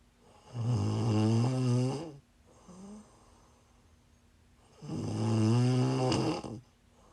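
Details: Person snoring while sick, recorded during a livestream: two loud, deep, buzzing snores on inward breaths with a soft snort between.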